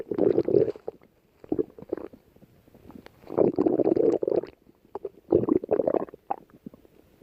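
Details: Lying down with audible stomach growling: bursts of gurgling, rumbling borborygmi that come and go.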